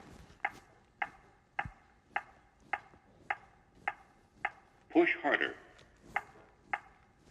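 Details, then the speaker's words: ZOLL AED 3 training demonstration after pads placed and no shock advised: steady metronome ticks about 0.55 seconds apart, near 110 per minute, with a brief voice prompt, pacing CPR chest compressions. "no shock advised start CPR push to match the tone the AED 3 is monitoring and reminding me to start CPR"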